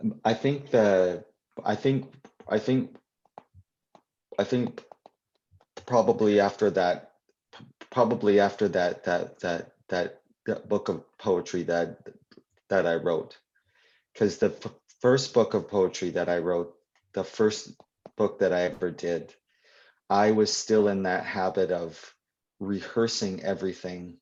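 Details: Adult poet and children's author who stutters, answering questions in a live Q&A at a 2021 convention; real, not acted; stuttering.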